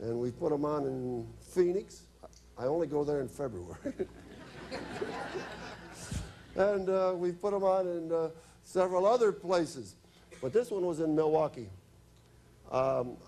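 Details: Adult man; normal speech.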